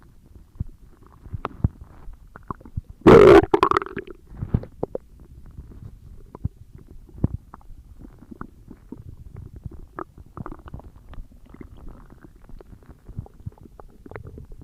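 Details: Stomach growling (borborygmi) recorded for ASMR: one short loud gurgle followed by scattered soft pops and rumbles.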